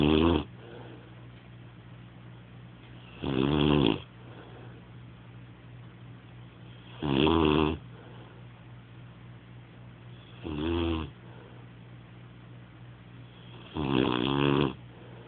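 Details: Snoring: rattling snores at regular intervals, five in fifteen seconds (about 20 breaths a minute), over a steady low room hum.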